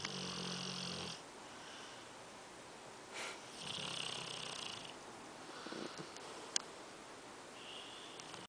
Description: Dog Snoring